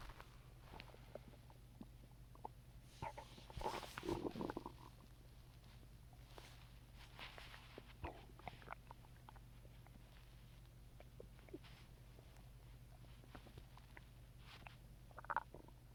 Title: Coke Stomach Growling